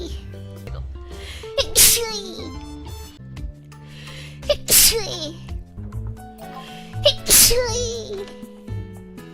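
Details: Streamer sneezing during a live stream: three loud sneezes with sharp bursts of air over background music.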